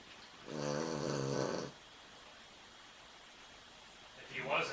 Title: snoring